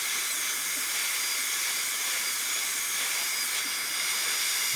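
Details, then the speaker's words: High-speed dental handpiece with suction in a simulation lab, cutting guide grooves (major grooves, lingual groove) on typodont tooth #18 for a gold onlay preparation: a steady high-pitched whine and hiss. "so let's start with our guide cuts i'll do the major grooves and i'll go ahead and get our suction involved here because i can do this directly"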